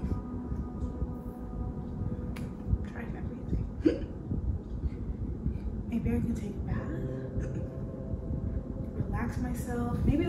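A few brief, sharp involuntary gulping catches of the voice stand out over a steady low rumbling background hum. These are hiccups.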